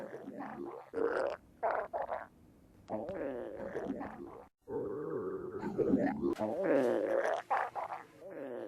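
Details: Close-up recording of loud stomach growling: long, wavering gurgling growls rising and falling in pitch; normal bowel sounds (borborygmi).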